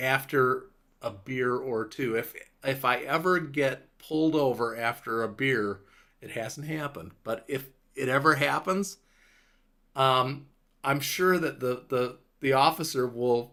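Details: Adult man five years after a stroke, with a clot in Broca's area of the left frontal lobe; largely recovered speech with word-finding difficulty, pauses, slower rate and stumbling over words; mild, recovered Broca's aphasia.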